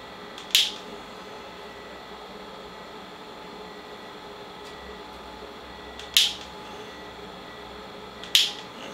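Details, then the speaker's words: Focused extracorporeal shockwave therapy under ultrasound guidance, aimed at a tendon calcification by a physiotherapist: three sharp, isolated snapping clicks over quiet room hum, single impulses counted aloud, up to five per session. "Et là, je vais donc effectuer mes impulsions. Ça va? Oui? D'accord, la première. La deuxième."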